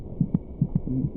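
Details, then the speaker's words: Rapid, regular soft thumps at about 145 a minute, a normal fetal heartbeat roughly twice the mother's rate, in the third trimester from about 26 weeks. "it may just be possible to hear the fetal heartbeat by putting your ear against the mothers abdomen the fetus's heart who meets about twice as fast as our mothers"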